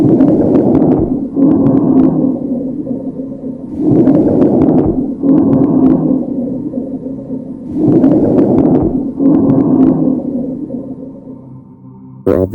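Labored breathing at about 15 breaths a minute, with harsh rattling and a low humming wheeze on each breath: COVID-19 lung sounds.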